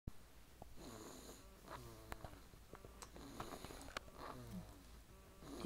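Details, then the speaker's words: Sleeper worn out after a late night at softball games and a stroller ride, with quiet, rattling breathing over low room hum; soft snoring. "he is now tired and you can probably hear him snoring very loudly he is out"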